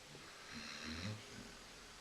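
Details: Female Basset hound asleep on a couch: a soft, low, rattling snore with faint room noise; snoring during sleep.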